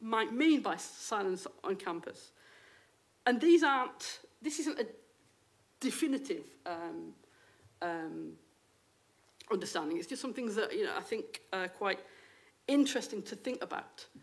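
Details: Adult woman, a university lecturer who states she has a stammer; stammering.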